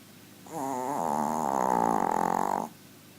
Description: My dog is very very small but very big on snoring